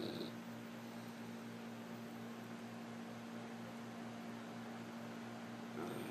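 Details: Black Labrador retriever dog snoring while asleep: a steady, low, buzzing rumble throughout with faint rhythmic pulsing.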